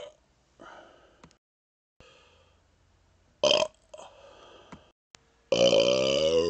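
A few short belches followed by a long, loud drawn-out voiced burp in a quiet room.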